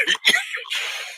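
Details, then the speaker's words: A couple of quick dry coughs followed by a breathy exhale from a person coughing while smoking a joint, during a live stream conversation. "I'm all right. Just coughing on my joint. Just coughing."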